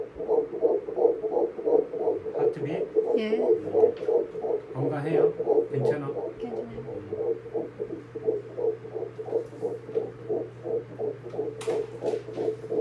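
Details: Rapid, regular whooshing fetal heartbeat on ultrasound at 11 weeks of pregnancy, rate 176 beats a minute, third checkup; brief adult voices and clicks in background.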